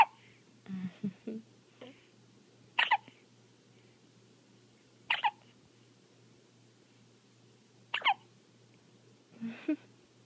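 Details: Baby hiccups: four short, sharp, evenly spaced hiccups with soft sucking sounds and quiet breaths between; baby has her pacifier.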